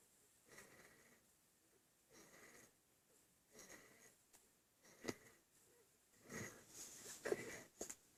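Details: Infant breathing hard: repeated noisy, effortful breaths with sniffly, slightly wheezy sounds at about one breath every one to two seconds; laboured breathing.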